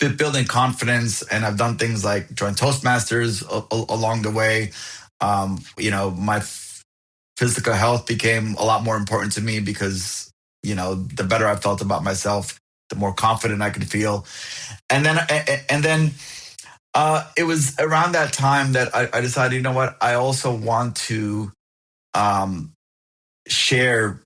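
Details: Adult man who stutters; found a stuttering support group at 28; audible repetitions; stuttering.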